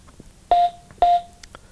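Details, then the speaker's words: Mediana HeartOn A16 AED switched on for a training demonstration: two short, clear electronic beeps about half a second apart, the defibrillator's start-up self-test tones. "so if we just turn it on just go through that cycle and show you how this button down here works so to start with turn it on check the lights will come on"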